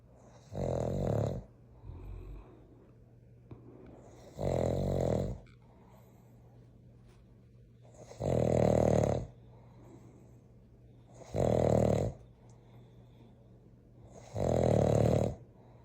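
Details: Sleeping dogs snoring, in a household of two that includes a giant Mastiff: loud, rhythmic, rattling snores with quiet pauses, about every three seconds; ordinary dog snoring.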